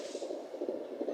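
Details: First-trimester fetal heartbeat on a home Doppler in a fourth pregnancy: fast whooshing pulses at about 126 beats a minute, within the normal 120–170 fetal range.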